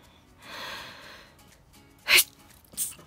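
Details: Adult sneezing during a night heatwave, around 12:40 a.m. and about 33 °C, sweating: breathy inhale, then one sharp forceful sneeze and a smaller second sneeze.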